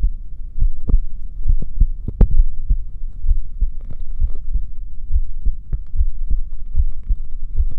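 Steady low thumping heartbeat at roughly 70 beats a minute with a soft background hum; a normal heartbeat.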